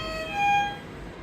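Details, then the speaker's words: Simulated neonatal CPAP training setup: brief electronic tonal leak alarm beeping after a circuit leak is created at set PIP 18 and PEEP 5. Pressure drops, then the device compensates and delivery stays safe despite the leak. "can see pressure drop again it has compensated for the pressure and the pressure delivery is still safe even with the leak"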